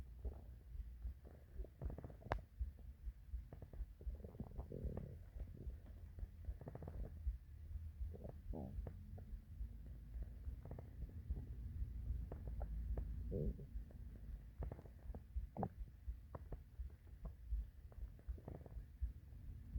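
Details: Morning hunger stomach growls: low rumbling and gurgling with irregular bubbling pops over steady low background noise. Borborygmi.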